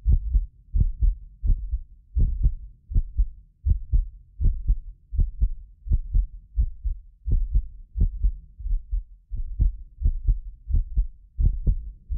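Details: Regular lub-dub heartbeat at about 85 a minute from a medically fit adult, recorded with several precision contact microphones. Occasional doubled clicks come from the microphone setup, not the heart. Normal heart sounds.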